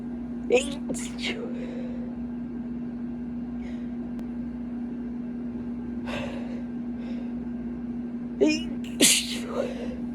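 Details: Induced stifled sneezes over a loud air-conditioner hum: several short, muffled, sharp bursts with quick catches of breath before them; suppressed sneezes.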